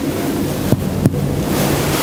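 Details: Two quick, hollow finger-percussion taps on the chest during a thoracic and lung semiology exam, over steady room noise; a normal resonant percussion note.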